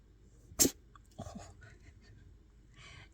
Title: I present to you... A possum sneeze!